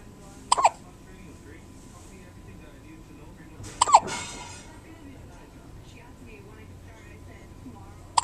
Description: with the hiccups